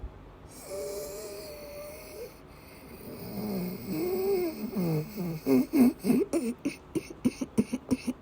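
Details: Female patient with persistent asthma attacks and migraine-cluster headache complex, coughing and vomiting: strained, wheezy drawn breaths, then a run of rapid, repeated coughing or retching bursts.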